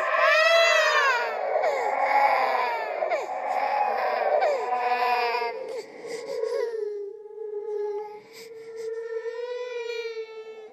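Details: Created horror sound-effect track of a ghost baby, likely processed and not a real infant: a wailing, rising and falling infant-like cry fading into a long high whimper; infant cry.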